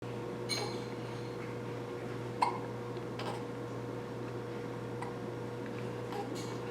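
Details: Sunday-morning hiccups, five or six brief, sharp little hiccup sounds at irregular intervals over a steady background hum, possibly from a dog.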